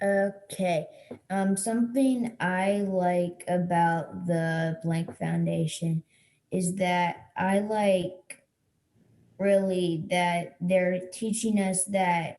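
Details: A child who stutters; stuttering.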